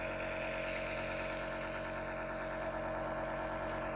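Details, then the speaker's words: Ambitech portable compressor nebulizer running: steady mechanical hum with a fast buzzing rattle, a moderate, not very loud operating noise. "इसकी आवाज़ भी आप सन लेना कितनी आवाज़ करते हैं ज्यादा नुमाइश नहीं है इसकी"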